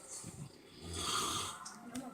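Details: Adult man (the father) snoring during sleep: a loud, drawn-out snore with a low, cow-like lowing quality on the in-breath, followed by quieter breathing; ordinary loud snoring.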